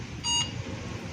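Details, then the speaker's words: A single short electronic beep over quiet room noise from an L&T multiparameter patient monitor tested after repair of its Nellcor SpO2 card, now giving proper readings; normal patient monitor beep. "Today, we successfully repaired L&T multi-parameter monitor. This is the live demonstration. Machine is working absolutely fine."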